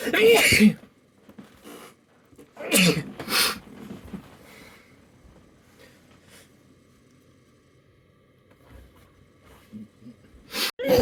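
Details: A compilation of one person's sneezes recorded over a week: several loud, explosive sneezes separated by quiet pauses, with faint room noise between; sneezing.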